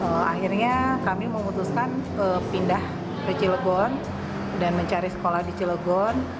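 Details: Adult woman speaking; normal adult speech.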